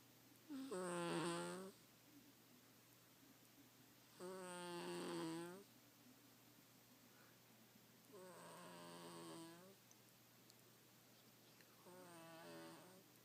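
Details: Four rhythmic, buzzy snores about every four seconds, roughly 15 breaths a minute, in a quiet room; snoring.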